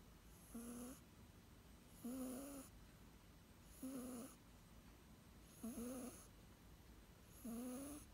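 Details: A cat makes five short, tonal, whistling snore-like sounds, about 33 breaths a minute; snoring or wheezing.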